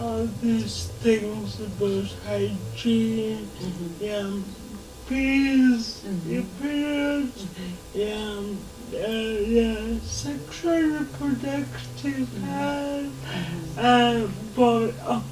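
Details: Dysarthria in a 27-year-old woman with lifelong cerebral palsy who moves around independently, in a real TV interview.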